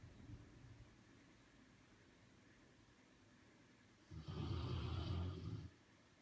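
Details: Sleeping baby boy snoring: a soft low rumble, then one longer, louder snoring breath in a quiet room.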